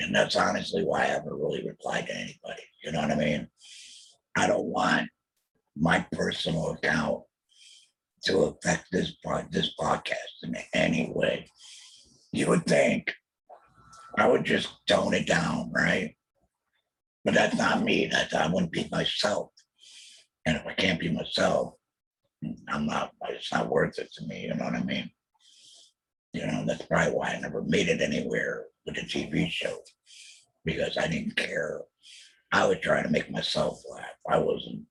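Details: Alaryngeal substitute speech from a real adult male laryngectomee after a total laryngectomy in 2020 for laryngeal squamous cell carcinoma, followed by chemotherapy and radiation; he mentions using an electrolarynx.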